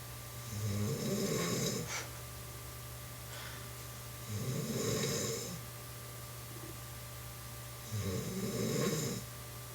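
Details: Woman who insists she does not snore, snoring while asleep: rough, fluttering snores on each inhalation, about 16 a minute, over a steady background hum.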